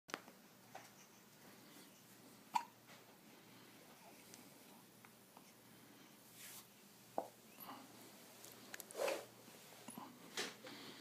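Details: Infant in a car seat, waiting to leave for a doctor's visit, gives five brief, sharp hiccups at irregular intervals over about eleven seconds against a quiet background hum: infant hiccups.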